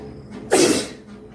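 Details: A single sharp, hissing burst in a quiet room, typical of one sneeze from a young Indian woman in a sneezing challenge.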